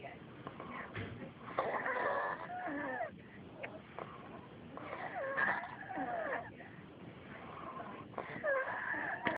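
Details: Male sleeper snoring: slow, irregular noisy breaths with whistling, squeaky tones on the in-breaths, about 18 a minute.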